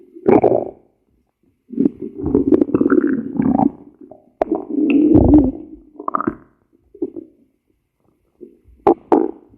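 Loud, low gurgling and rumbling bursts with irregular pauses: stomach growling, ordinary bowel sounds.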